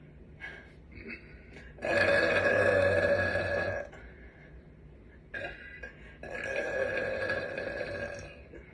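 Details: Young woman burping on command: two long, loud, voiced burps in a row, with quiet room noise between them; burping.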